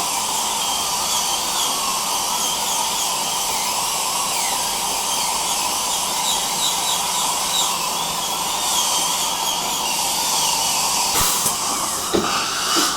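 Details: Steady high-pitched dental drill whine over continuous hissing suction; recreated, realistic dental-appointment ambience for relaxation.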